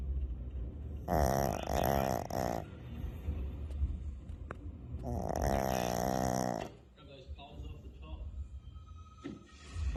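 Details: Small dog Lucy snoring very loudly: two loud, rattling snores, then quieter breathing with faint room noise.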